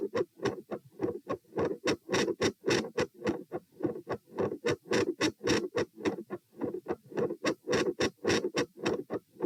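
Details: Heart sounds recorded at position P while sitting, standing, then sitting, rate 96-108-96 bpm: rapid regular beats near 100 a minute, loudness waxing and waning, split second sound; phasic S1 and S2 intensity changes with split S2.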